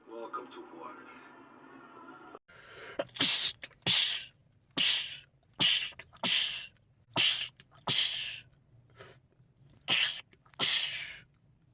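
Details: Male, from a compilation of rapid sneezing attacks in men: after brief dialogue, a rapid run of about ten sharp, explosive sneezes at roughly one per second; repeated sneezing attack.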